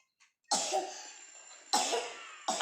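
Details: Young child who is unwell with a cough that won't clear, taking medicine; three harsh coughs in quick succession, the first long and drawn out; persistent cough.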